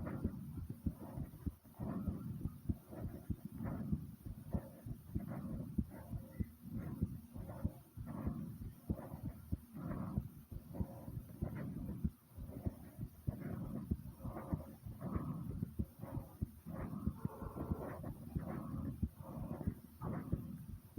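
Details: Own heartbeat described as pounding hard: rapid, forceful low thumps around 95–100 beats a minute, with some rustling noise; fast, pounding heartbeat.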